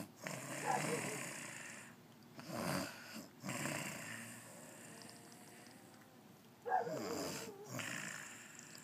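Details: Adult woman asleep: harsh, fluttering snores on the in-breath with quieter out-breaths, repeating about every three to four seconds; snoring.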